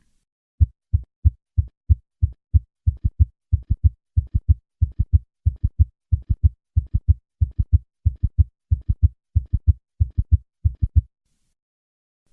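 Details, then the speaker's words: Summation gallop: above 90 beats per minute, a third heart sound superimposed on a fourth heart sound creates a loud extra sound; fast triple-rhythm heartbeat near 92 a minute. "summary above a heart rate of 90 beats per minute a third heart sound can be superimposed on a fourth heart sound to create a loud summation gallop"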